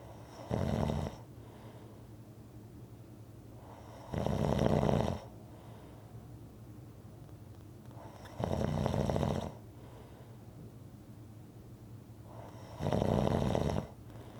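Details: Rhythmic snoring recording: four loud, harsh snores about every four seconds, roughly 14 breaths a minute, with quiet exhalations between; steady rhythmic snoring.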